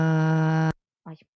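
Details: Woman with a large cyst on the right vocal fold, needing much pressure to start phonation, with breaks at onset before stabilising and a breathy, noisy voice that keeps some sonority: difficult voice onset with breathy dysphonia.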